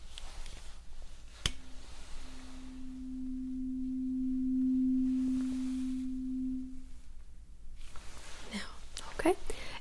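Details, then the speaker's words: Simulated ASMR role-play cranial nerve exam, not a real doctor: a tuning fork is struck and rings with a steady pure tone that slowly fades, as the patient is asked to say when the sound stops; tuning fork hearing test. "lastly I'm going to check your hearing with a tuning fork can you please tell me when you don't hear the sound"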